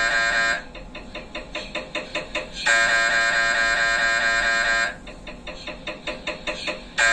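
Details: Loud buzzing tones alternating with rapid rhythmic knocking, about three knocks a second, from an MRI scanner running imaging sequences; MRI scanner acoustic noise.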